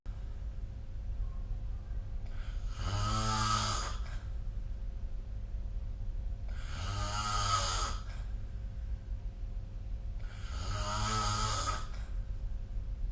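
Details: Snoring recorded with the SnoreLab app: three loud, buzzing, rattly inspiratory snores about 4 seconds apart (roughly 15 breaths a minute) over steady low room hum.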